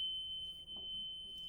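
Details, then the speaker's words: Transcutaneous pacer alarm in an emergency medicine simulation: steady high-pitched alarm with an intubated, hard-to-bag patient with shortness of breath and chest pain, possible pulmonary embolism. "Clear pace alarm."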